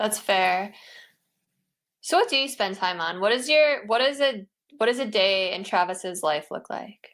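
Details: Adult speaker, likely a woman; normal speech.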